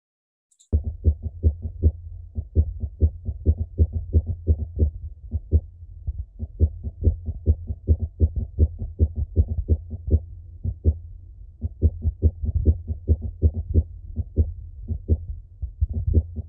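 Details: Atrial fibrillation heart sounds in a simulation center demonstration.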